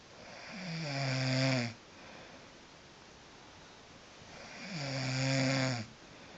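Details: Snoring in a sleeping woman that keeps another person awake: two loud, rough snores on breathing in, about 4 seconds apart, with quiet breathing out between.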